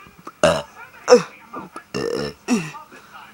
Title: Burping contest #6 (official)